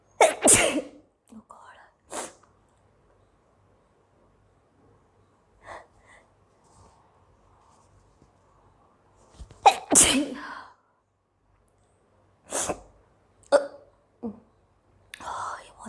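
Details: Indian girl with long-lasting hiccups, with black pepper powder mentioned: repeated forceful sneezes at uneven intervals, with quiet breathing and brief sounds between them.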